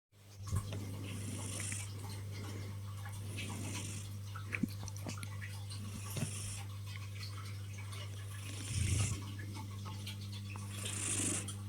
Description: Lilo the Tuxedo Kitty was snoring away to her heart's content, whilst trapping my arm -.-